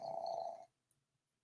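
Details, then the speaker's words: A single rough, fluttering snore-like breath of just over half a second, then quiet, from a dog sitting in a chair who is awake yet snoring. "And if you can hear that little snoring sound, here's my partner for today until Molly shows up."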